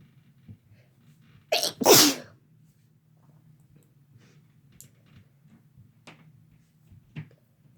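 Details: Two sneezes in close succession, a short burst then a louder explosive one, over steady low room hum; sneezing.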